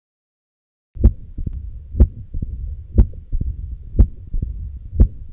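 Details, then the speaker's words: Mitral stenosis, bell of stethoscope, patient in left lateral position: regular heartbeat about 60 a minute, loud snapping first sound, low-pitched rumbling mid-diastolic murmur with presystolic accentuation. "if you hear long enough the typical pre-systolic accentuation and the low pitch rumbling mid-dash like murmur can be clearly heard as in this patient"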